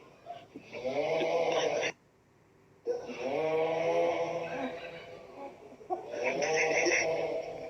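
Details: Security worker snoring after broadcasting: long, loud, rough inspiratory snores with a rattling buzz, about three separated by quiet exhalations; ordinary snoring.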